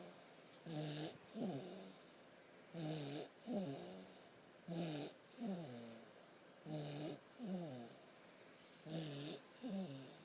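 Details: Regular snoring at about 15 breath cycles a minute, each with a rough inward snore and a softer fluttering outward breath.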